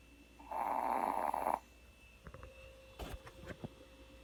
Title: Miss Abby can snore 2